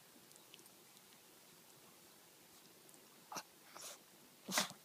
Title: Cute Sneezing Chihuahua